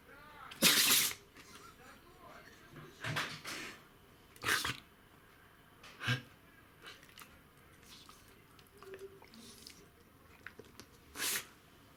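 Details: A run of about six sharp, explosive sneezes from a dog over twelve seconds, with quiet sniffing between, in a small room; dog sneezing attack.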